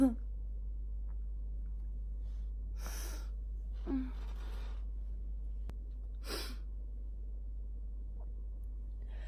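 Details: Female with a morning barking cough: three harsh, abrupt cough bursts in a quiet room.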